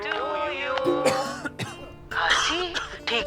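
Several short acted coughs from an adult over steady background music.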